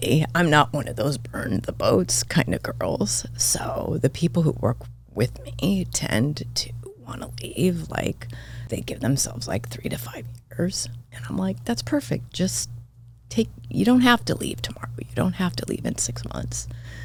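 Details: Adult woman with spasmodic dysphonia diagnosed this year, involving vocal cord spasms; she attributes it partly to voice overuse from podcast hosting and to stress, and it is occurring during this real recorded interview: spasmodic dysphonia.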